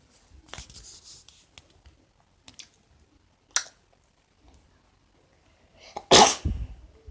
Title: Even beautiful princess's have to sneeze